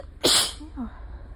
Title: Gradually intesifying sneezes! Pt. 1